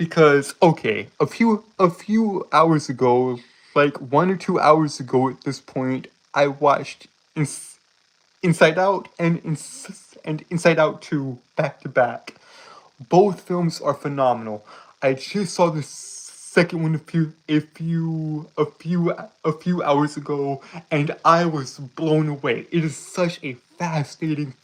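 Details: Stuttering with word and phrase repetitions in an adult male streamer who self-reports a speech impediment.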